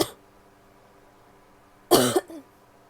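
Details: Single harsh cough with a short trailing catch after a quiet pause, opening on the tail of an earlier cough; female cougher.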